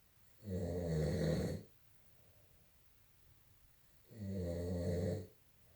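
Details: An adult man snores during sleep: two loud, low, buzzing snores on breathing in, about four seconds apart, with quiet breathing between; ordinary snoring.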